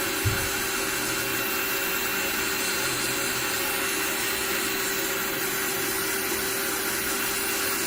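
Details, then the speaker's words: Steady high-pitched whirring of a podiatry rotary grinder running continuously to grind down and flatten a patient's thick, uneven calluses and suspected fungal nails. Fungal samples were taken from this patient. "okay i'm just gonna grind it down though a little bit more work to do here just going to flatten out the uh"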